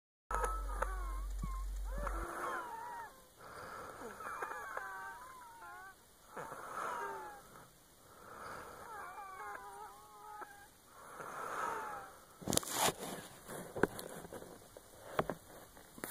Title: Wheezing